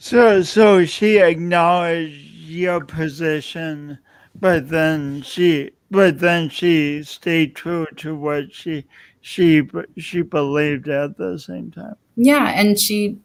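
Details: Man describing his own self-described speech impediment, type not named; stuttering.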